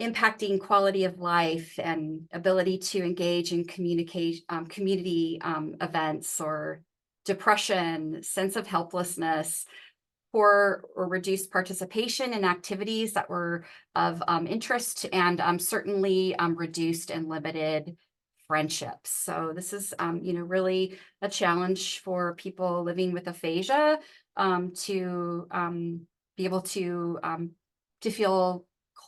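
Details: Adult woman speaking; ordinary speech.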